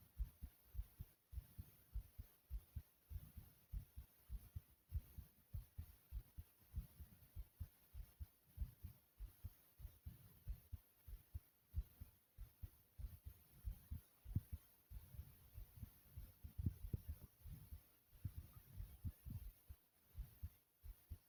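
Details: Own heartbeat, thumping loudly: deep, forceful heart thumps repeating steadily with a faint low hum behind them.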